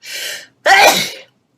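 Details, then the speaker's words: Person with nose issues: soft breathy intake followed by one sharp, loud burst of air; single sneeze. "I hate when I sneeze sorry for my sneezing thing I do have some issues with my nose so when I do start sneezing I sneeze"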